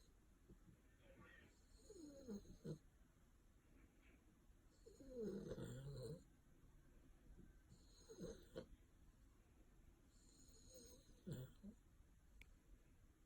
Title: My cute doggie snoring 😴 ❤️